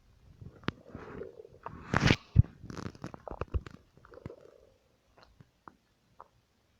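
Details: Stomach noises: bowel sounds (borborygmi).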